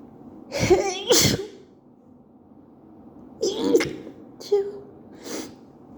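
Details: Repeated sneezing from allergies at work, which the person attributes to a coworker's bathroom, with night allergies also described; four voiced sneezes in two pairs, each with a sharp inhaled catch before the burst.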